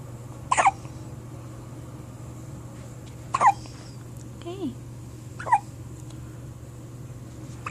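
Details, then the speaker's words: First hiccups: three short, abrupt hiccup sounds a few seconds apart over steady background hum. "You got hiccups? You got the hiccups? You want me to record you?"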